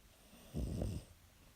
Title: Cute dog snoring